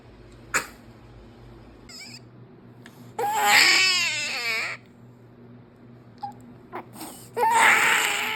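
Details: A 49-day-old baby cries loudly in wailing bursts with short pauses and small fussing sounds between; infant crying on a day that also had coughing and sneezing.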